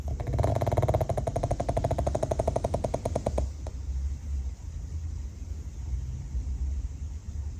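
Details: Pug snoring while napping: a fast rattling snort on the in-breath, then quieter breathing over steady low room hum; small dog snoring, likened to a little pig.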